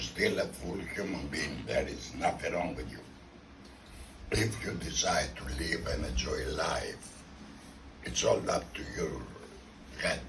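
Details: Tracheoesophageal (alaryngeal) speech from a man 14 years after laryngectomy surgery, using a voice prosthesis; laryngectomy followed failed radiotherapy is mentioned generally.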